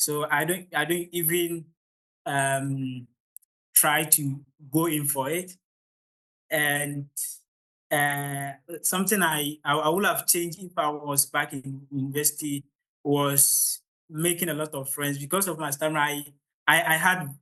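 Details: Adult man from Ghana who stammers, at the start of a public talk, a part he says is usually the most difficult for him; stuttering.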